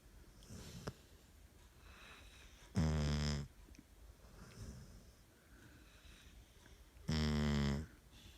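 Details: Sleeping dog snoring: deep, buzzing snores every four seconds or so, with soft breathing and snuffling between them; ordinary snoring.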